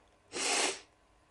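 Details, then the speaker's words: 20-year-old sneezing uncontrollably during a sneezing fit, unwell with a headache: a single loud, hissing sneeze burst lasting about half a second. "I'm going to leave this Vlog here because I can't stop sneezing I'm not in the right state to carry on talking right now"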